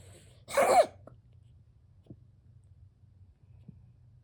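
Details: Cat with an unknown lung infection that has spread to another cat in the household: one short, harsh, explosive cough-like burst, then quiet room noise.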